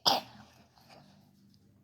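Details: One short, sharp cough burst followed by soft breathing and low room noise, a single cough from a child reading a storybook aloud.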